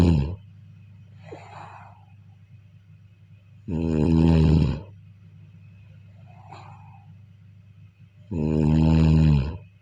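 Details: Snoring during sleep: two loud, rumbling snores on breathing in, each followed by a soft breath out, about 13 breaths a minute.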